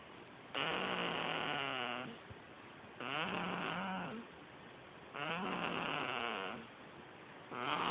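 Three long, rasping, buzzy snores with a fluttering quality and short quiet gaps, about 26 a minute; a mechanical snore imitation.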